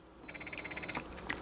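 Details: Electric breast pump in use with suction at level 4 while the breast is massaged by hand to trigger let-down. Quick run of soft rhythmic clicks, then a brief hiss of release as the pump cycles its suction.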